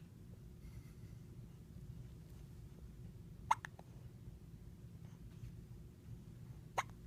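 Two sharp, brief hiccups about three seconds apart over quiet room hum; ordinary hiccups.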